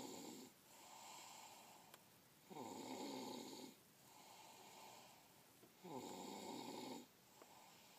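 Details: Snoring: regular rasping snores on each breath in, with quieter breath-out phases, about 18 breaths a minute.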